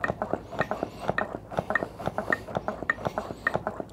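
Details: Hands-only CPR after an AED shock, simulated on a training manikin: rapid rhythmic clicking and creaking, around 120 a minute, chest compressions at the recommended fast rate.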